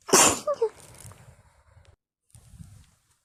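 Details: Sneezing attack in bed at night: one sharp, explosive sneeze followed by breathy sniffing and quiet rustling.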